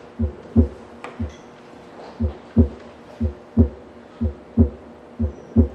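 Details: Normal heart sounds (S1 and S2).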